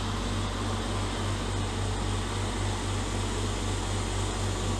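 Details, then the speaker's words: Running home oxygen concentrator (UL brand Elite model) just switched on, with humidifier bottle attached and flow then set to 5 litres a minute: steady low mechanical hum with faint rhythmic pulsing as the compressor draws in room air. "আমার concentrator machine এখন চালু হবে আমার machine চলতেছে oxygen সাথে সাথে"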